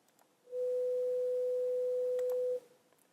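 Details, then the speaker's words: Lecture demonstration of hearing-test pitches: a steady pure mid-pitched beep about two seconds, 500 Hz tone following 250 Hz, speech pitch range; pure-tone audiometry test tone. "so here is a low pitch sound this would be 250 Hertz he said with great confidence if you can get it to play here's 500 Hertz"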